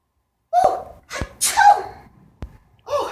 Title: Sneeze Please